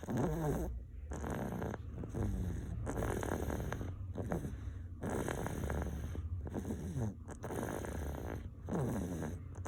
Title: My 2 Year Old Boy Snoring #shorts